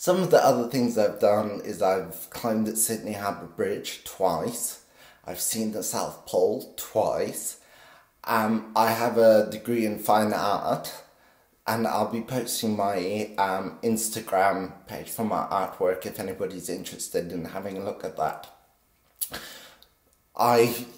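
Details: 50-year-old man with essential tremor since birth, very pronounced in his voice; deep brain stimulation at age 24 helps stabilize it but is not a cure; essential voice tremor.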